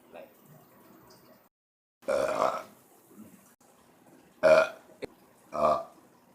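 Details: Three separate deep, voiced belches, each under a second, with quiet breathing between them, recorded during a smoking video.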